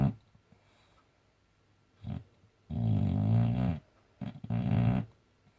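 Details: Boxer dog asleep: loud, rough, rumbling snores, two longer ones and a shorter burst, in a quiet room: snoring.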